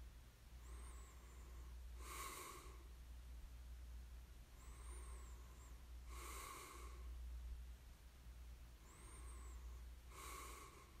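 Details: Light snoring in sleep: quiet, regular breathing with a soft whistling nasal intake and a breathy snort on each breath, over a low room hum.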